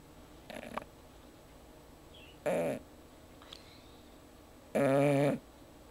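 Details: Sheba sleeping and snoring: three snoring breaths over a steady background hiss, the last long and buzzing.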